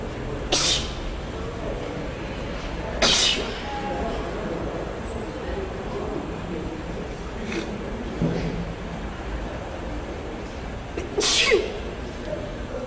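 Three sharp, loud sneezes, with fainter sneeze echoes between them, over steady background noise.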